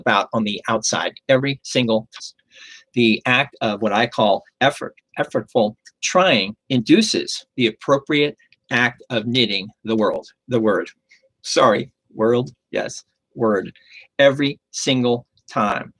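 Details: Adult male stroke survivor with aphasia and persisting word-finding difficulty, confusing similar words; aphasia with word-finding difficulty.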